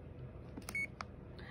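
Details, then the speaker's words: Single short high beep over room noise from a CADD-Solis infusion pump in PCA mode, confirming a soft-key press while a nurse navigates the menu to Select Task, View Delivery to review delivery settings; infusion pump key-press beep. "so again press any soft key to get back to the screen we're going to go to select task we're going down to view delivery"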